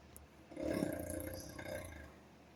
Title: You've fallen into a deep sleep. I want to sleep too. Please don't make snoring noises. Long sleep.